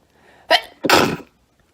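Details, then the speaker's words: A single sneeze from a woman filming herself who says she has to sneeze: a short indrawn breath, then one sharp, forceful burst. "I have to sneeze. Does anyone else sneeze when they look?"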